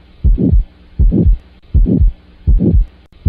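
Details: Aortic stenosis murmur.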